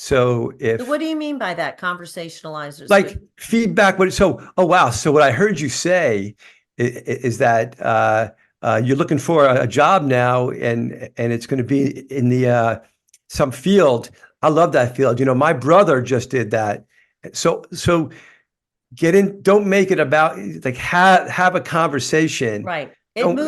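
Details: Life-long stuttering in an adult man, which he describes as a neurological condition that gets tougher when he is tired.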